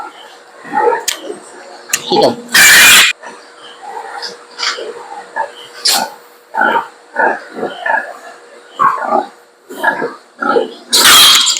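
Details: A pig gives two loud, harsh coughing bursts between soft grunts; the farmer describes the pig's cough as severe and treats by injection in the neck.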